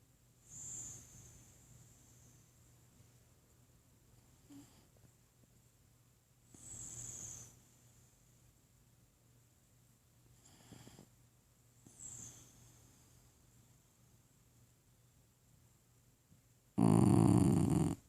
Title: Shiba ibu is snoring